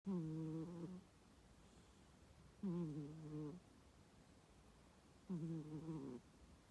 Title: The cat is snoring